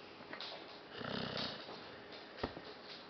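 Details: Zena snoring while asleep, continuing after waking: fluttering, rattly nasal snore, then a short snort, in a small quiet room; snoring.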